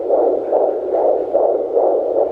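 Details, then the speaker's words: Fast, regular whooshing fetal heartbeat around 145 a minute, strong and loud, heard with an at-home fetal Doppler at 13–14 weeks of a twin pregnancy. "wow that's really loud that's a strong heart"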